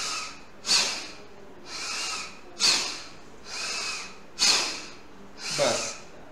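Breathy rushes of air through a mouthpiece, alternating sharp strong blows with softer breaths, during a spirometry lung function test.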